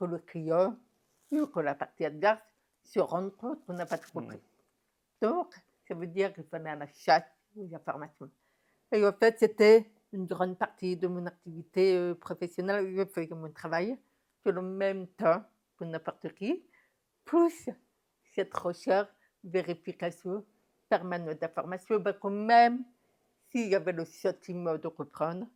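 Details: Woman deaf since infancy (diagnosed at 9 months), told she would never speak; never heard her own voice; learned speech through about 20 years of speech therapy; deaf speech.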